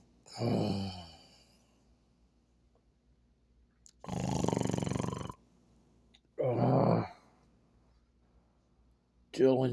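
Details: Separate low groaning and rattling snores, each about a second long, with silent gaps between, in a quiet room; snoring from a compilation presented as a husband snoring.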